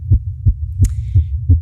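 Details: Rapid, regular low thumps at about 170 beats a minute with one brief hiss over them: a very fast female heartbeat picked up by a microphone.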